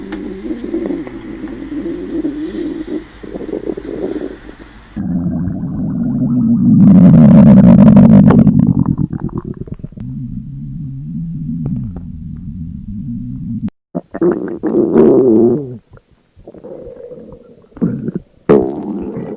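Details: Loud, low gurgling and rumbling belly sounds in several bursts with bubbly pops: hunger stomach growling, presented as an imagined schoolgirl hungry in class.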